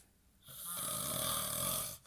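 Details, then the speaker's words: A single long, harsh, rasping snore on one in-breath from a sleeping man in a recovering addicts' house, sleep apnea mentioned, over a quiet room; someone repeatedly calls his name to wake him. "you're you're snoring"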